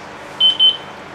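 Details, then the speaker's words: ZOLL M Series biphasic defibrillator demonstration, analyze button pressed in AED mode with pads not attached to a patient: two short high-pitched beeps as rhythm analysis begins and it says stand clear; defibrillator alert tone. "So once you attach if you want to use it as an a press analyze button and it's going to analyze because it says stand clear"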